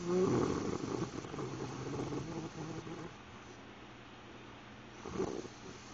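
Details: Adult asleep after driving about 5000 miles in 5 days: rough, fluttering low snore on a long breath, a quieter pause, then another snore starting; an odd, rattly snoring sound.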